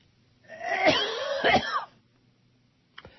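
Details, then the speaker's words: Adult male radio host on air says his cough is coming back bad, blaming phlegm: two harsh, wet cough bursts, then a brief catch; phlegmy cough. "This cough is coming back bad. Not good. Lordy."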